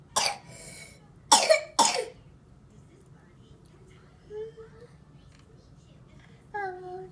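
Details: A child gives three sharp, dry coughs close together, then brief high-pitched singing in a quiet room.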